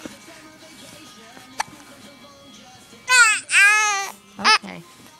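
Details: Short, loud, frustrated cries in two or three bursts after a quiet stretch, from a baby girl upset by her hiccups; infant cry.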